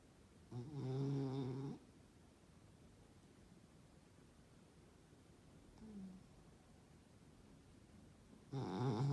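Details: Puggle dog snoring: two brief, low, buzzing snores separated by quiet breathing in a still room.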